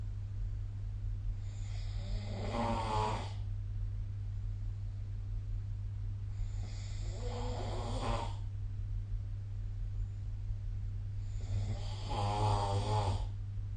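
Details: Sleep snoring recorded with the SnoreLab phone app: three loud, rattling inspiratory snores, about 13 breaths a minute, over a steady low hum.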